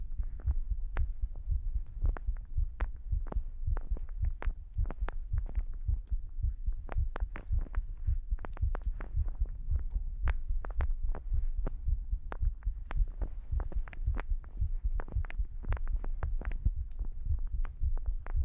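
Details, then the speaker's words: Pre-recorded one-hour recording of an adult's own resting heartbeat, played back in an ASMR stream: steady, soft, low paired thumps over a faint hum, a normal-sounding rhythm. "I did a oneh hour heartbeat recording before the stream, which allows me to have this over uh like overlapping audio for you."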